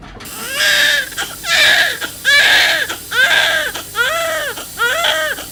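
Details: Strong, rhythmic wailing cries from a newborn, about six cries in five seconds; a vigorous newborn cry at a birth delivered by C-section after low amniotic fluid and a fetal heart rate that could not tolerate labor.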